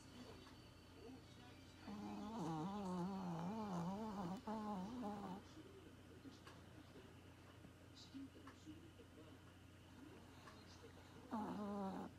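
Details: Female Maltese puppy asleep snoring: loud, drawn-out, voiced, deep rumbling snores like an old man's, over quiet room noise.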